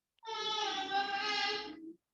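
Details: Hypernasal speech in a person with cleft lip and palate; the nasality comes from the oral cavity communicating with the nasal cavity.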